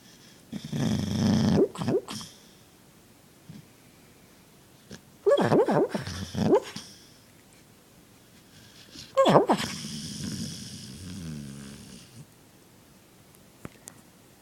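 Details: Kano, a dog: three loud, rough snorting breaths with quiet pauses between them; snoring.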